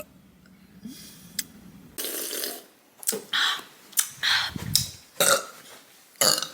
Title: Girl burp compilation #11